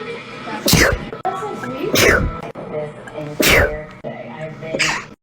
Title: sneezing compilation 3